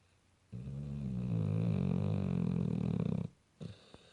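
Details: Pit bull dog snoring, natural unenhanced sound: one long, deep, fluttering rumbling snore lasting nearly three seconds, then a short snort.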